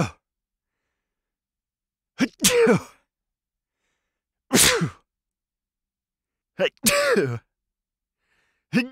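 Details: Three sharp sneezes from an adult man, some with a quick intake of breath first, some muffled with the mouth covered and others uncovered, in a quiet room.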